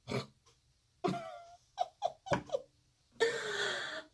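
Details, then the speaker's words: A short adult woman (5'3") on a couch in the morning, quick gasping in-breaths, then one loud, explosive sneeze and a few shaky breaths in a quiet room; sneezing. "feel a sneeze coming on and my sneeze is like for me to be 5/3 and to be like a short person I'm on a little short person you know you call me a little troll for me to be so short my sneezes sound like they should be long to like Bigfoot or something"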